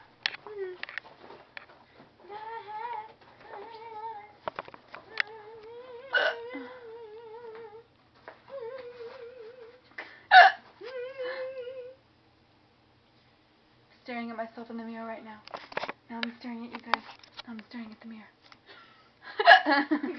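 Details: Child speaking Spanish in a wavering, whimpery voice, broken by several sudden short catches and jolts from hiccups.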